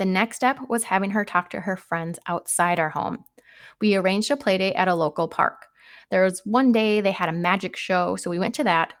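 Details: Adult woman narrating; Normal adult female speech.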